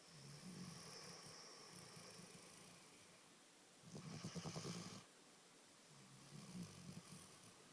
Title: Milo snoring and snuggaling me